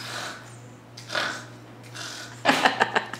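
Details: Dog making noisy drawn-in breaths, then a quick run of harsh snorting gasps; demonstration of reverse sneezing in a dog.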